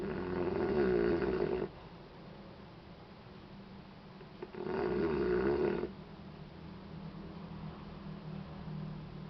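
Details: Two rough, rattling snore sounds on inspiration with quieter breathing between; an infant snoring during sleep.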